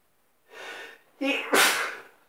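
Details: One loud, explosive, slightly wet sneeze in bed in the morning, building from a breathy inhale and a voiced gasp.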